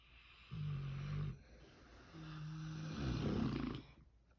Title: Ever heard Pigs Snore 🐽